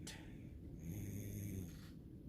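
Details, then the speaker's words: Hospitalized child, admitted after 24 hours unable to keep anything down and just given pain medicine: a soft, low rattling snore on one breath, faint under room noise, heard in the background during sleep; snoring. "You may can hear him snoring in the background."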